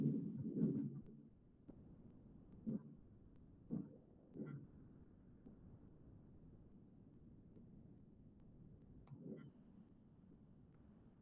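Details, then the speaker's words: Continuous machinery murmur, likened to factory machinery noise, running through the second heart sound and across diastole and always leaving a gap before the first sound; a continuous machinery murmur as in arteriovenous fistulas. "o en una fábrica de tejido sientan el ruido de una maquinaria por eso se llama sop maquinaria fíjense có corta el segundo ruido chicos y termina la diástole te deja siempre un espacio antes el primer ruido"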